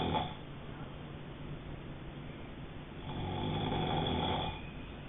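Low rough rattling snore on a slow breath in, with a quieter exhale between, in a muffled recording.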